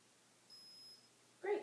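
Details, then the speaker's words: Forehead thermometer used during a vital-signs check in a cardiac, pulmonary and hip assessment: a faint high electronic tone then a short beep as the temperature reading is taken. "this is just going to tell me your temperature and this goes right on the side of your forehead right here okay"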